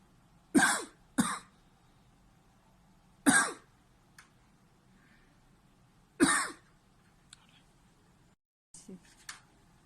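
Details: 40-year-old man with 2 months of paroxysmal cough from a schwannoma involving the right vagus nerve, later resolved by resection: repeated harsh, abrupt bursts, about five in ten seconds, in quiet surroundings; paroxysmal cough.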